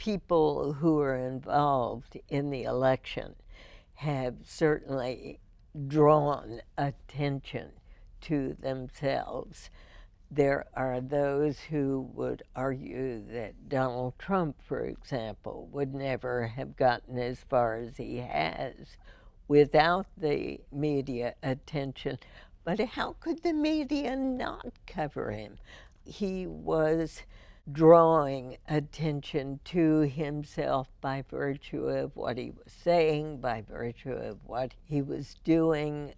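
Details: Adult female with spasmodic dysphonia, first diagnosed in 1998, treated every four months with botulinum toxin injections into the vocal cords; spasmodic dysphonia.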